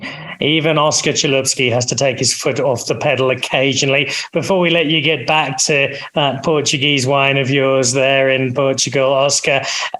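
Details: Adult male speaker; ordinary speech.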